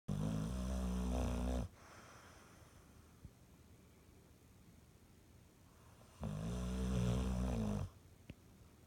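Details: Two long, low, rumbling snores with a quiet pause between them; ordinary snoring.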